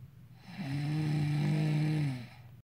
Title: Wife snoring.